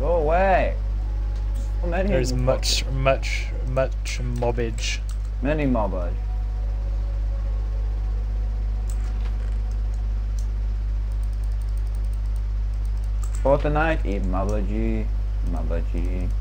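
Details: Adult speaker; ordinary speech.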